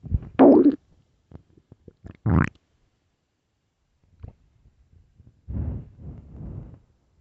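Irregular gurgling rumbles and squeaks with quiet gaps between them; ordinary stomach growling from bowel activity.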